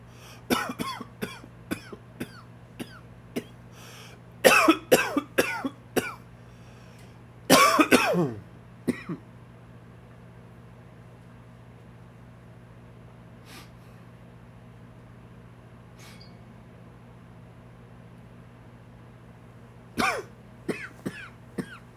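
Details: Dry, wheezy cough during an allergy flare: bursts of dry, hacking coughs with a faint wheezy edge.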